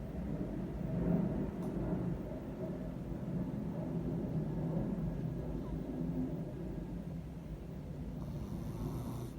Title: My Fat Cat Castro Snoring